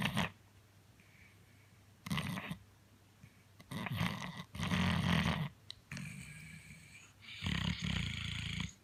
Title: Lugnut snoring big time and kicking, sounds human